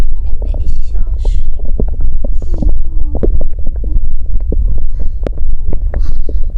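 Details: Stomach growling recorded during period pain: irregular gurgles, pops and brief squeaky tones over a low rumble, ordinary active bowel sounds (borborygmi).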